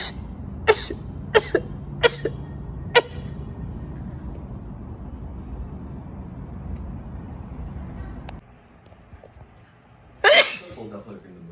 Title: TikTok Sneezing 5